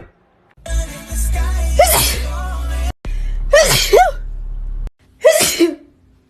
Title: girl sneezes compilation